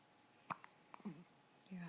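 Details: Infant in the morning: two or three short, abrupt catches of breath with soft vocal sounds, hiccups.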